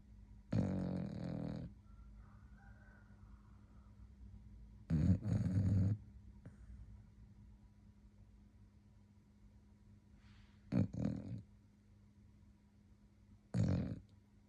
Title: HNAR SUK SUK😴 GOOD NIGHT💤🥱#sleepydog #sleep #snoring #dogshorts #dog